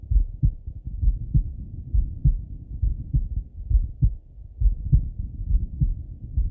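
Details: Male heart auscultated with a stethoscope, recorded either sitting at a desk or lying in bed: steady regular lub-dub about 67 beats a minute with some low rubbing noise; normal heart sounds.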